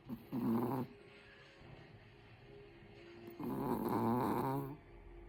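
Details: A sleeping Chihuahua snoring: two long, rattling, fluttering breaths with a quiet pause between them.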